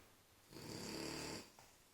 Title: Dzhabi the French Bulldog snoring...